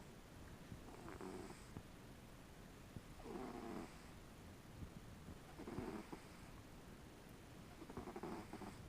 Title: Pumpkin snoring